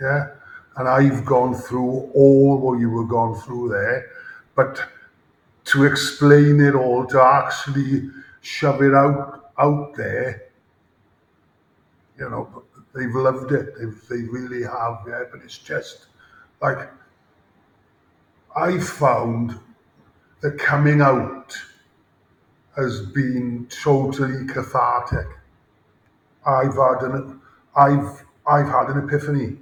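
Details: Adult male former Welsh rugby player with a lifelong, debilitating stammer since about age 5-6, with blocks and more speaking difficulty under pressure; real, not acted; stuttering (stammering).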